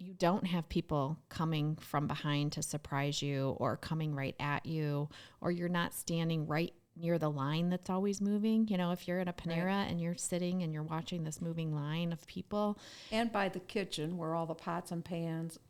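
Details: Adult woman speaking; ordinary speech.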